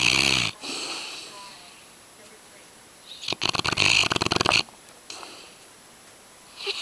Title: Loud Dog Snoring (Yellow Lab-Brady)